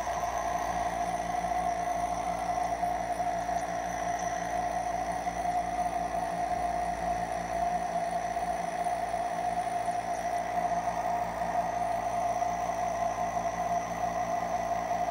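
Steady mechanical hum with a constant whining tone and faint hiss, unchanging throughout; a nebulizer compressor running.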